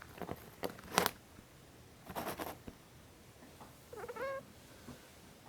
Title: Sleepy degus happy teeth grinding